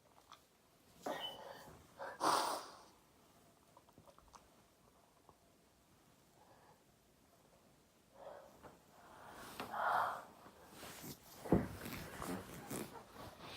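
Several snorting bursts and sneezes separated by quiet, with room noise; repeated sneezing.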